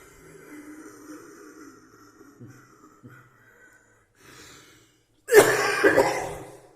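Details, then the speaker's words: An adult tobacco smoker using hot sauce, salt and humidity to clear the lungs, saying it is not an infection. Several seconds of faint quiet breathing, then one loud, harsh cough with a brief trailing second burst. "It really does no good to cough right there because the hang wasn't happening."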